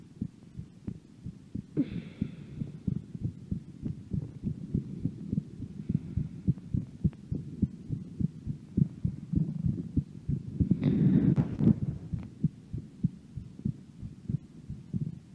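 Steady dull thumping heartbeat, roughly 95 beats a minute, with light background hum, recorded during a breath hold.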